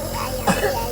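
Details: Two-year-old toddler with ongoing cough, being given nebulizer treatment: a single short, throat-clearing cough over a steady background hiss.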